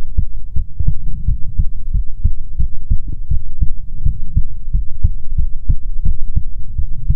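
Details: ASMR heartbeat recording, presented as soothing heartbeats from a female persona: steady, regular low thumping, about 80 beats per minute, with a low hum beneath; normal heartbeat.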